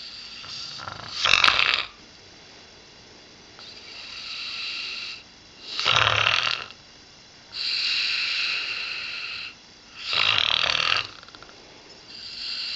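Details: An 8-year-old female springer spaniel with a nasal tumour undergoing radiotherapy, snoring: steady hissing, whistly rasps on inhalation and exhalation, about six cycles in thirteen seconds.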